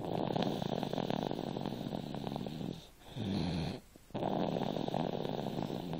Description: my 2yr old snoring